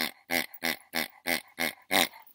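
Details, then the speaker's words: Dog with collapsing trachea, heard outdoors while trotting in chilly weather; the cough is said to start when it is warm or he is excited: honking cough. "he's got that okay I guess he call it collapsing trachea and when it gets too warm for one he starts with that if he getss excited he starts with that"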